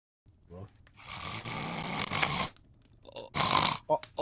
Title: bro falls asleep in discord and gets stronger with each snore